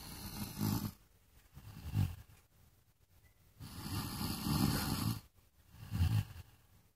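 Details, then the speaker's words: Loud snoring from Ming, a sleeping animal, very loud. "打呼好大声。真大声啊！"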